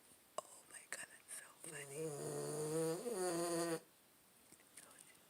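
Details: Boston terrier dog snoring: one long, whistling, wavering snore after a few soft breaths, in a quiet room.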